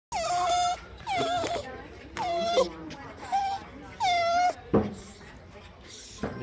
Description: My dog is crying because he is getting shots at the vet